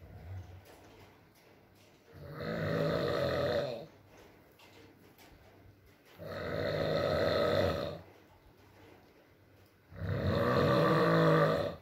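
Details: Male partner snoring during sleep in a recording with rain: three loud, rough snores on inhaling, about 16 a minute, with quiet pauses between and soft rain in the background.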